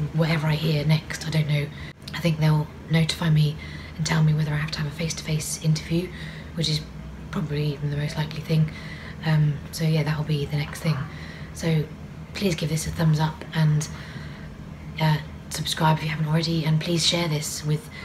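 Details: Adult woman with vocal cord paralysis, among her listed disabilities, which she says is audible in her voice; no medication treats it; vocal cord paralysis.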